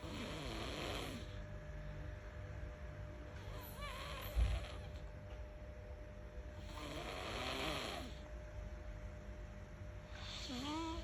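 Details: Sleeping baby giving soft, rough snoring breaths, about three in eleven seconds, over steady background hum; snoring.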